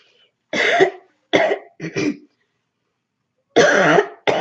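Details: Barking cough during a cold: about five harsh, loud coughs in short bursts with pauses between, a deep barking quality in a quiet room.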